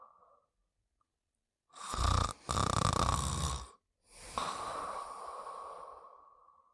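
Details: Snoring during sleep: rough, rattling snores on two breaths, the first broken by a brief pause, followed by a long, wheezy exhale.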